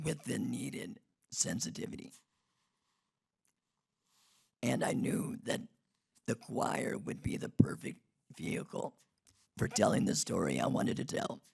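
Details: Man who had a laryngectomy in 2016 due to long-term radiation damage from tonsil cancer treatment 19 years earlier, speaking without his natural voice box; alaryngeal speech after laryngectomy.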